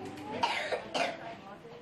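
Two short dry coughs amid faint room murmur.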